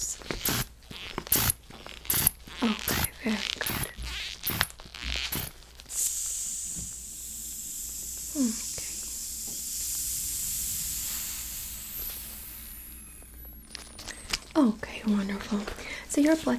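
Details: Blood pressure cuff inflating and deflating on an arm in a simulated ASMR emergency-room cranial nerve exam roleplay; the patient complains of severe headache and double vision, and the reading is about 145/60, slightly elevated systolic.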